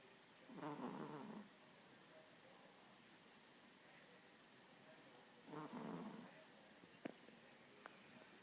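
Two soft, rattling snoring breaths about five seconds apart from a small sleeping dog, over faint room noise; snoring.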